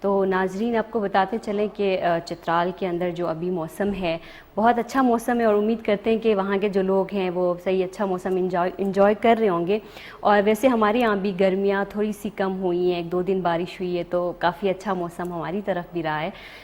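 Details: Adult woman presenter; Normal fluent speech.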